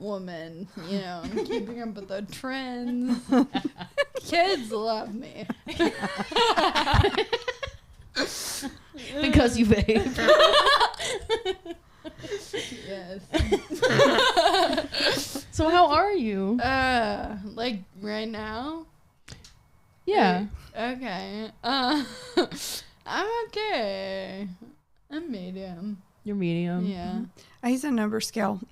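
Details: 26-year-old woman with Friedreich's ataxia, a progressive genetic nervous-system disease affecting coordination and walking; ataxic dysarthria (Friedreich's ataxia).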